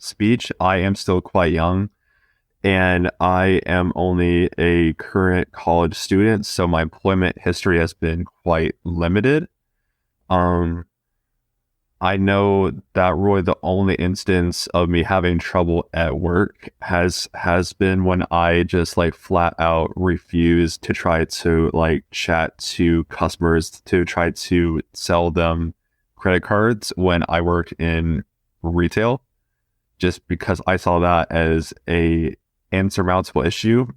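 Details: 20-year-old male who has stuttered since about age two; repetitions audible. Stuttering.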